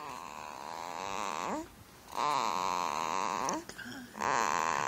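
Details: Snoring: loud, high-pitched, whistling snores that rise and fall in pitch, with short pauses between breaths.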